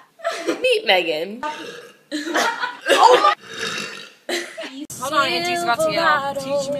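Several loud, drawn-out voiced burps mixed with brief speech and laughter.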